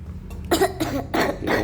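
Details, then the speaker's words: Adult father with cough and cold: three short, harsh coughs in quick succession, steady low hum in the room. "Ayahku lagi buat jam soalnya ayahku batuk-batuk."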